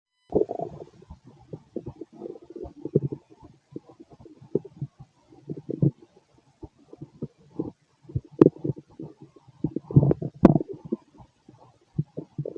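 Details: Male, late night, feeling gassy after eating lots of food earlier; low gurgling and bubbling rumbles in irregular bursts with quiet gaps, ordinary stomach growling (borborygmi).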